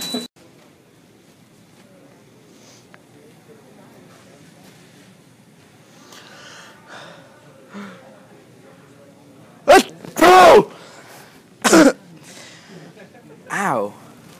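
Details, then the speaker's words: Fake sneezing prank in a store; several loud, abrupt sneeze bursts in quick succession, deliberately exaggerated, in a quiet room. Simulated sneeze. "oh shoot sorry some monster sneeze just gets me sometimes on you"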